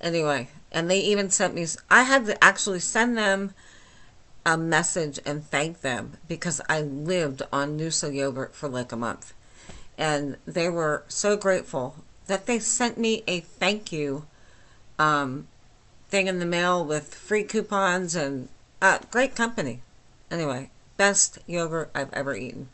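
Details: Adult woman with myasthenia gravis since age 8, lifelong swallowing and talking problems and double vision, speaking without her speech appliance; hypernasal dysarthria, understandable but not perfectly.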